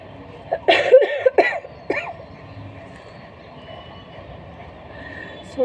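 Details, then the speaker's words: Woman with fever, cold and sore throat, voice nearly gone: several harsh, rough cough bursts in quick succession, then quiet room noise; cough during a cold. "सोची नहीं थी वीडियो बनाऊंगी, बट खांसी आ रहा था, सोचती इसका भी एक फ़ायदा उठा लेती, क्योंकि बहुत लोग खांसी का वीडियो चाहते हैं।"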